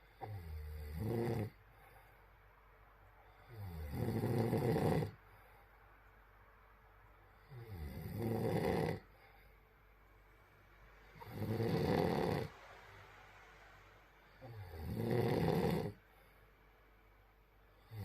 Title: Let's snoring 🤣